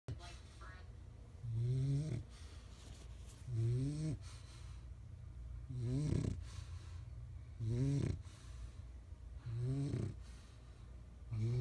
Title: BAD NEWS SATCH MOE SNORING DOWN LOL..